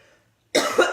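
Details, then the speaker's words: Silence, then a single loud, harsh cough burst with a rough, slightly wet second push: an adult woman's congested morning cough, attributed by her to sinus congestion. "excuse my cough. I wake up and I sound like an old man because we have just junk happening in our sinuses."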